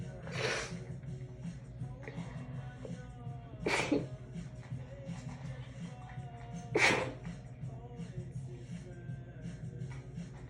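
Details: Sneezing fit after a shower, deliberately induced by tickling the nose with a wet strand of hair and muffled with a towel: three sharp, muffled sneezes about three seconds apart over background music.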